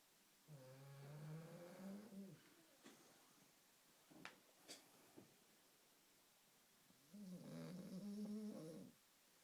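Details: Cat snoring while asleep: two long, rattling, buzzing breaths with soft clicks between them; snoring.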